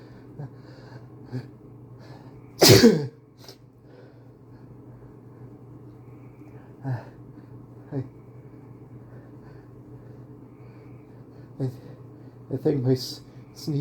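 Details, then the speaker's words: One loud stifled sneeze, then quieter sniffs, short whiny hitching breaths and another muffled sneeze from someone repeatedly trying to stifle increasingly bigger sneezes; ordinary sneezing. "I'm just so sneezy today. I I keep having to sneeze."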